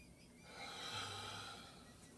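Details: Lung auscultation in an adult male during a primary patient assessment, on 15 L/min oxygen by non-rebreather mask, breathing in and out on command: one soft, airy breath with no wheeze or crackle; lungs clear.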